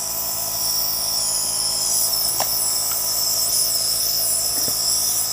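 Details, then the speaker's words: Nebulizer machine running for a young child with cough and colds: a steady high-pitched hiss and hum with faint room sounds. "Nagne-nebule na naman. Nakakalaki. Gustong gusto niya yung pag nebulizer."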